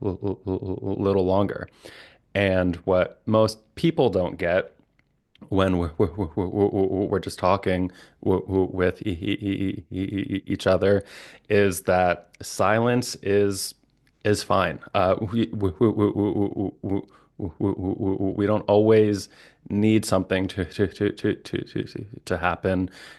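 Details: Adult male licensed speech-language pathologist who stutters, with repetitions and blocks, speaking conversationally: stuttering.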